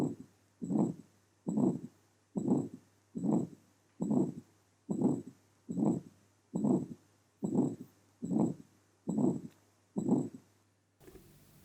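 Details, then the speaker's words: Aortic stenosis murmur, a heart murmur that occurs during systole, presented with its characteristic waveform. "this is the characteristic waveform of the murmur produced in a case of aortic stenosis the murmur occurs during systole"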